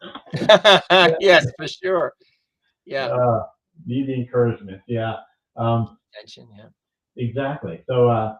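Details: Adult male stroke survivor who lost his language after a stroke, now with mostly expressive (Broca's) aphasia plus some receptive difficulty; expressive (Broca's) aphasia.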